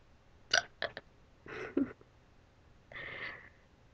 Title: Hiccups wat